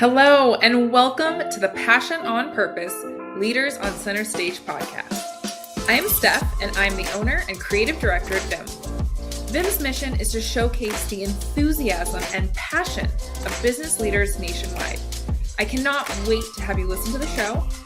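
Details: Adult woman speaking; typical speech.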